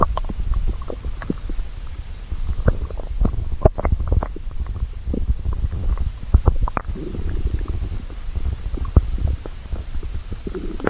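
Continuous low rumbling and gurgling from the belly, ordinary stomach growling from hunger.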